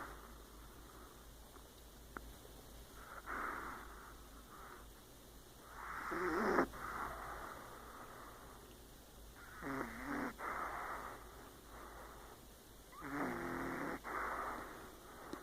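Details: Sleeping on someone, snoring: several rough, rattling snores separated by quieter breathing over low room hum.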